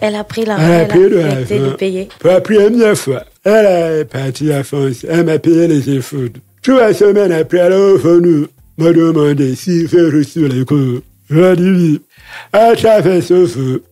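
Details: Deaf speech from a man who lip-reads and speaks French, with hearing loss caused by a childhood illness, which he says left his voice not normal.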